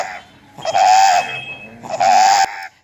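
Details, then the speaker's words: 7-month-old child with failure to thrive and respiratory distress since birth, complete tracheal rings on bronchoscopy: two harsh, high-pitched crowing breaths, severe congenital stridor. "another child a 7mon child with failure to thrive in severe Strider with"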